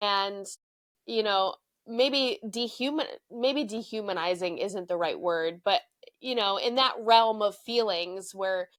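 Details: Adult woman with neurological spasmodic dysphonia of no known cause, with abductor and adductor features that worsen with stress; breathy breaks and cut-off vowels; spasmodic dysphonia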